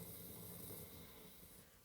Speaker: My dog is snoring! ~laugh~ Can you hear it?